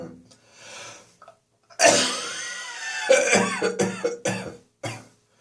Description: My bronchitis is getting better now - no antibiotics this time - but I still have a residual chesty cough, especially first thing in the morning.